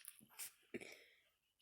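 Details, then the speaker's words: Chihuahua (Sydney, the biggest of three) sneezing on command for a treat: two short, sharp nasal bursts in a quiet room; dog sneeze. "And they're gonna sneeze for a cookie. Sneeze. Good boy, Sydney."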